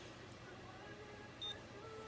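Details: A single short electronic beep over steady room hum as a glucometer reads a finger-prick blood sample (no alcohol swab) in a self-check by a person with diabetes; reading described as high, insulin to follow.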